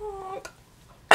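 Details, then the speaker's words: Young woman who is losing her voice, with something stuck in her throat: a drawn-out voiced sound, a short catch, then the sharp explosive onset of a single cough; cough. "there's something stuck in my throat"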